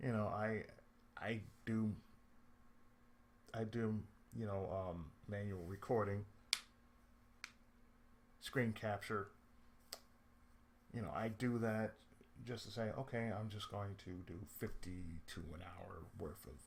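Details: Adult man with cerebral palsy, who reports speech problems since childhood and a lisp at times; speech affected by cerebral palsy.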